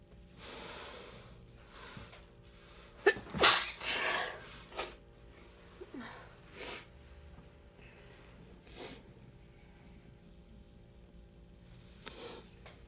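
A loud burst of sneezing, then several smaller sharp sneezes and sniffs spread over about ten seconds; a sneezing fit.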